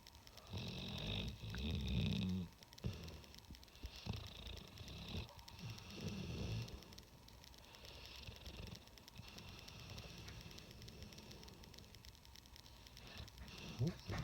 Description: Snoring dog, doggy, cross mastiff cross bulldog, crossbreed, beast dog. Loud snore